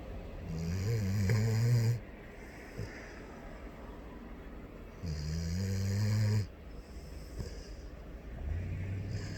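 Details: Loud, deep rattling snores on slow breaths, about 13 a minute, with quiet pauses between; ordinary snoring.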